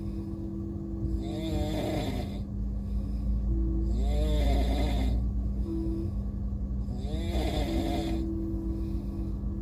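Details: A person sleeping on a moving Indian train gives three loud, rough snores at a slow, regular pace of about 19 a minute, over the train's steady low rumble and hum; snoring.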